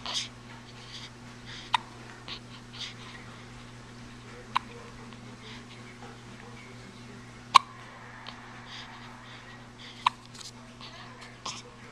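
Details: Hiccups: four sharp, brief hiccup clicks about three seconds apart over a steady low room hum, with faint breathing between.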